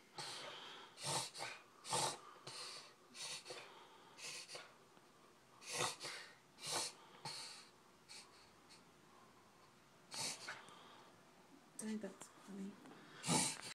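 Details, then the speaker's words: Puggle with occasional breathing problems, in an episode the owner calls the worst ever, lasting two or three minutes beforehand and audible upstairs: repeated loud snorting breaths in irregular bursts with quieter gaps, episodic snorting, labored respiration. "You did it for like two or 3 minutes before this too. Like straight. Yeah, it was a lot worse than right now too. Like you hear him all the way upstairs."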